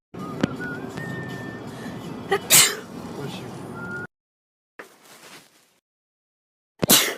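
Two sharp, explosive sneezes, one midway and one at the end, over background room noise and music.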